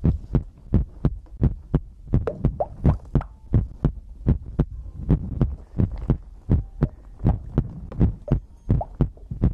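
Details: Heartbeat ASMR recording from a livestream: steady, deep thumping heartbeat, about 86 beats a minute, with a low hum underneath; regular heartbeat.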